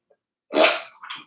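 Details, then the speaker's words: Dog with kennel cough caught from a neighbor's dog gives one harsh, honking cough burst followed by a weaker second one. "My dog has kennel cough. Got it from a neighbor's dog."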